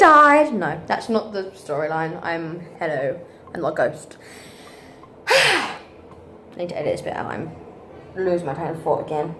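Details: Woman with Tourette syndrome, fifth night in hospital after a nine-and-a-half-hour tic attack; speech interrupted by vocal tics of random words and phrases; vocal tics (Tourette syndrome).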